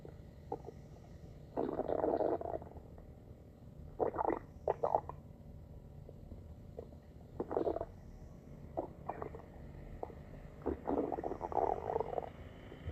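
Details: Stomach growling: low gurgling rumbles and bubbling pops in bursts over steady background hiss; ordinary borborygmi.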